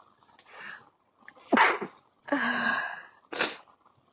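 A short inward catch of breath, then a sharp sneeze burst, a drawn-out hissing exhale and a final brief sneeze-like snap.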